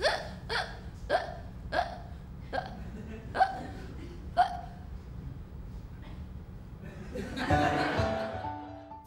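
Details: Stage performance piece about a woman with hiccups: seven sharp, evenly spaced hiccups about every second, then laughter over music; a run of hiccups.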